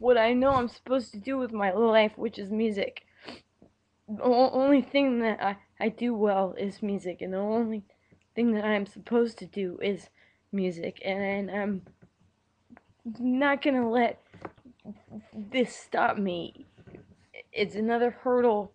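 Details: Adult with Tourette syndrome and Asperger's, recorded during a very bad tic attack, whose tics worsened after surgery causing loss of speech rhythm, now starting speech therapy; stuttering (disfluent speech) with Tourette syndrome.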